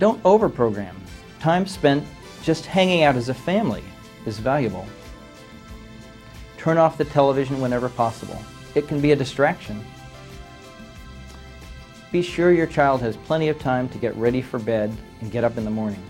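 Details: Adult male narrator; normal fluent speech.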